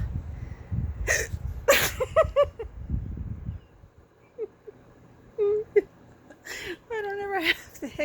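Short, sharp voiced catches that recur among breaths and brief talk: an ongoing bout of hiccups.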